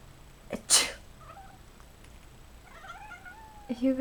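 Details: One sharp, hissing sneeze, followed by soft chirps and a short meow from cats, which reportedly meow every time they hear a sneeze.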